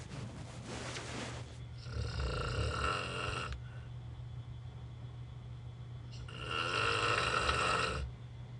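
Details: Terrible snoring from a sleeper encountered while travelling, bad enough that the recorder could not sleep: loud, rough snoring on two long breaths with quieter breathing between, over a steady low room hum.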